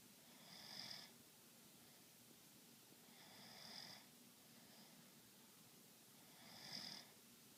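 Three soft, hissing breath noises about three seconds apart against a quiet room hum, fitting light snoring.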